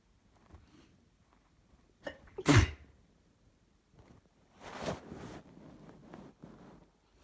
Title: Sneeze attack female allergy